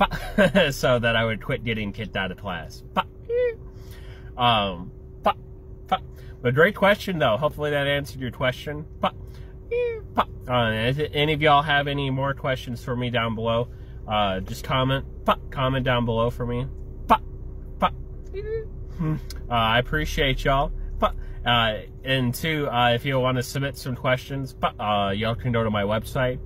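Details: Adult male with Tourette syndrome, verbal and motor tics beginning around age seven, diagnosed by a neurologist at about age eight; vocal tics (Tourette syndrome).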